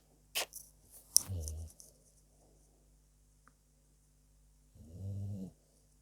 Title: dog my furbaby is Snoring away just had to catch on video ❤️❤️❤️❤️